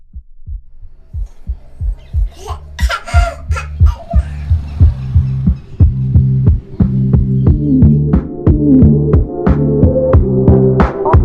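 Regular low thumping beats at about 60 a minute over a steady hum; a heartbeat.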